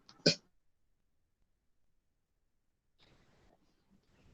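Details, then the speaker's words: Student giving a class presentation, who says he is coughing a lot and finding it hard to speak: one short, sharp cough burst, then near silence with faint low noise. "तो क्या मैं कल इसको continue कर सकता? खांसी बहुत आ रही है मुझे।"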